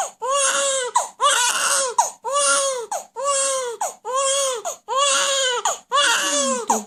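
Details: Crying of two babies, a newborn crying loudly and a 2-month-old, with music in the background: infant crying.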